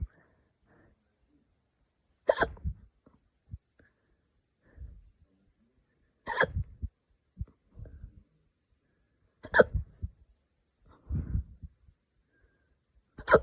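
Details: Ordinary hiccups in a person after drinking wine too fast: sharp, abrupt gulping hiccup sounds recurring about every 3 to 4 seconds, roughly 16 a minute.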